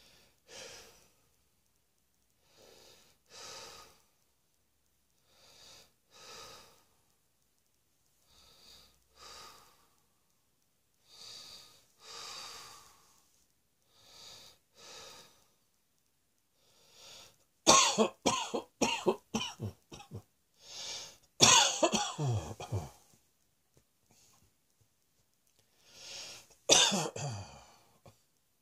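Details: Person lying on a bed, exhausted after much coughing: quiet, steady breathing at about 20 breaths a minute, then sudden clusters of harsh, repeated coughs.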